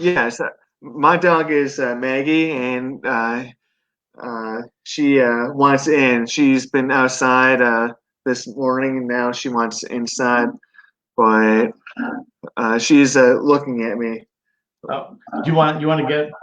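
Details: 42-year-old man, 25 years after a stroke from an artery rupture during benign brain tumor surgery at 17, causing right-sided paralysis and global aphasia; relearned speech; aphasia (residual, post-stroke).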